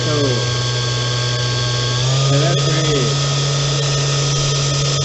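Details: 3D-printed homemade simple ventilator (SV-79), brushless N2830 motor, 20A ESC, 3S Li-Po 12.6 V, cycling CPAP-E level 1 then PEEP modes: steady motor hum and whine shifting in pitch with pressure modes.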